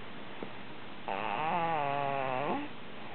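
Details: one drawn-out, low, buzzy vibrating snore of about a second and a half in a quiet room; snoring.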